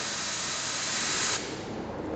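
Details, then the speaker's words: Dental unit demonstration at a dental hospital: a three-way air-water syringe shown in air, water, then combined air-and-water modes; a steady hissing spray easing off partway through. "terus ini namanya triwisering 3 cara pemakaiannya ini angin ini air ini angin dan air"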